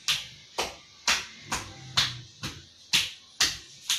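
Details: Rhythmic hollow claps about twice a second: cupped-hand chest percussion (clapping) for 3–5 minutes on a 22-year-old man who has difficulty coughing, demonstrated in chest physiotherapy and effective-cough training to loosen secretions.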